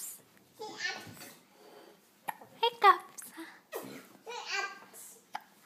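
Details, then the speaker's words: Baby boy sitting in a high chair with hiccups: babbling and vocalizing broken by a few brief abrupt catch sounds fitting hiccups, while a parent talks to him. "are you all done you have the hiccups huh hiccups"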